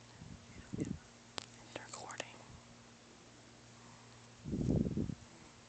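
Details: Low, rough breathing noises during sleep, including one longer rumbling snore, over a steady electrical hum; snoring.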